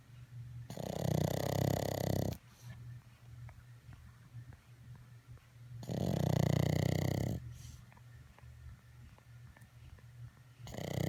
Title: Snoring Pug—Warrior Rocky